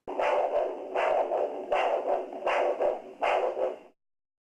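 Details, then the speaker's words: Doppler probe over the dorsalis pedis artery at the ankle, cuff placed above the ankle, during ankle-brachial index measurement: repeating multiphasic whooshing pulses about 79 a minute, a normal triphasic arterial signal. "if no pulse is felt you should obtain an arterial Doppler signal which can be monophasic basic or"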